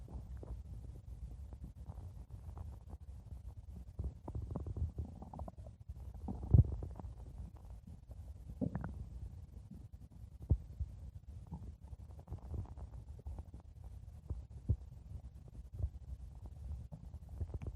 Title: stomach growling 4 minutes